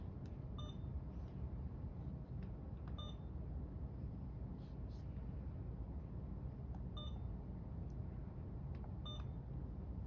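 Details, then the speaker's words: Short electronic beeps, some in pairs, over steady low hum as an Alaris IV infusion pump's secondary setting is selected and programmed for a secondary IV medication infusion. "Select secondary setting on the IV pump. You will program the IV pump as indicated for the prescribed medication infusion."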